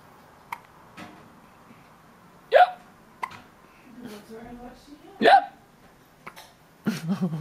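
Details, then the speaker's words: Two sharp, sudden hiccups about three seconds apart with soft vocal sounds between them; hiccups. "hi mabel have you got the hiccups you're so beautiful"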